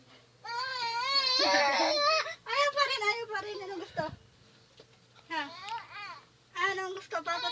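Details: Infant crying while an adult soothes and urges sleep and feeding: a loud, wavering cry in bursts with pauses for breath, in a small room.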